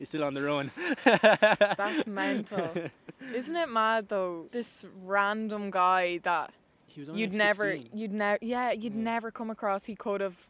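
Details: Adult woman speaking; typical speech.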